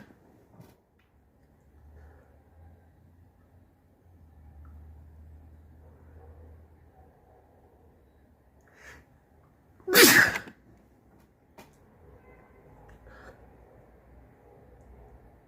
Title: Snotty sneezes